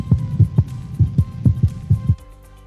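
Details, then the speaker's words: Dog auscultated with stethoscope: crisp paired lub-dub heart sounds about 120 a minute, slightly varying spacing, brief pause then equal beats, no murmur; normal heart sounds with respiratory sinus arrhythmia. "nuevamente tengo latidos una pequeña pausa y siguen latidos iguales"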